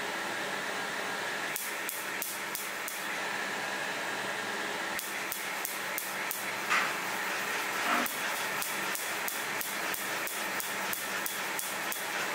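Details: PicoWay pulsed laser removing a difficult-ink tattoo: rapid sharp snapping clicks, about three a second, over a steady fan hum.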